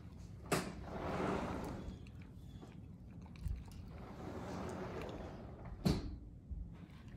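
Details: Puppy teething, chewing a loose baby tooth (usually louder) to work it out of her gums: soft wet chewing and gnawing with a few sharp clicks.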